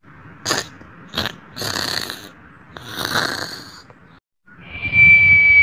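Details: Whistling snore from the uploader's own snoring: brief snorting bursts, then longer hissing breath noises and a steady high whistle at the end.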